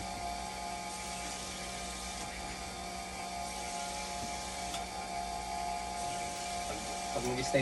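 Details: Continuous mechanical hum and steady motor whine with faint clicking from a hemodialysis machine running a test for conductivity and temperature stability after calibration.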